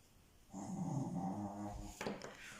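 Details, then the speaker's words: A tired dog snoring nearby, heard in the background of a crochet tutorial. "c'est le chien qui ronfle à côté si vous entendez un ouais ils fatigués le pauvre"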